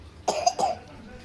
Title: Lagi Batuk semangat belajar